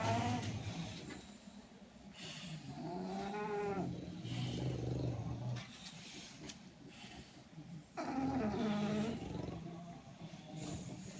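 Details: Loud, rattling snoring from a sleeping bulldog, with groaning and squeaky whistling tones in rough, irregular breaths.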